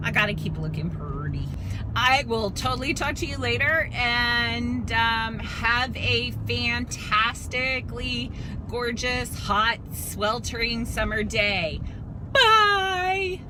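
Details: Adult woman with spasmodic dysphonia, a dystonia of the vocal cords, alongside spasmodic torticollis; she does not get vocal cord injections and says her voice turns shaky or choppy when forcing words out, sounding near tears or nervous; spasmodic dysphonia.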